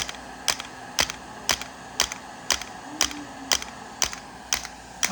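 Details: Integrative shockwave therapy for pain at the back of the knee (popliteal area), 3 Hz/90 mJ x 1,000 shocks: sharp, evenly spaced clicks about once per second over a faint hum as the device delivers pulses.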